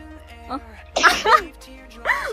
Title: Sneezing Compilation